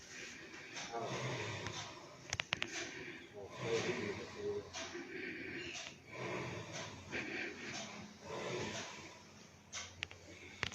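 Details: Police personnel snoring while asleep on duty at a police outpost around 11 pm; snoring.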